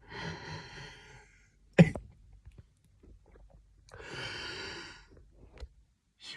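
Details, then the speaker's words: An adult man coughs up phlegm. Long, raspy, groaning, creaking, zombie-like breaths surround a single sharp cough, which he likens to a rubber band or a supercharger in his mouth. Noisy raspy breathing. "holy [ __ ] bro it's like I got a supercharger in my mouth listen foreign that's some heavy [ __ ]"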